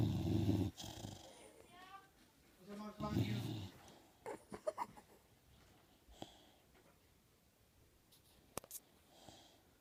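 Two loud, low, rattling snores in the first few seconds, then quiet with a few faint snorts and clicks; snoring during sleep.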